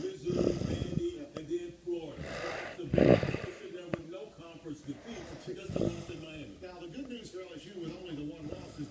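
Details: A sleeping boy snores roughly every three seconds with rough snores, heard under television sports talk.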